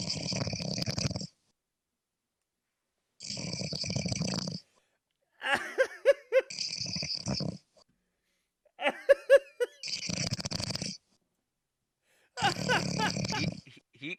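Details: Heavy snoring: loud rattling snores about every 2 to 3 seconds, some with a fluttering snort, separated by silent pauses.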